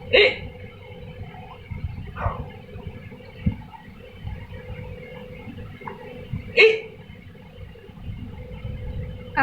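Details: Baby with hiccups, still playing: two sharp, brief hiccup bursts several seconds apart, with soft baby sounds and room noise between them; infant hiccups.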